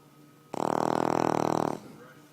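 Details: Gus, a giant Boston Terrier dog, asleep and snoring: one long, loud, buzzing snore lasting over a second with rapid fluttering through it, in a quiet room.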